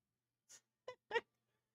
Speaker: Look, she's snoring so loud in here. Can you hear her snoring?